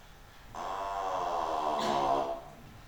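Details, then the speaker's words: Synthetic 'ah' vowel from a 3D-printed scan of a person's vocal tract played as an organ: a steady, organ-like sustained tone. "And I hope you can hear an ‘ah’ vowel."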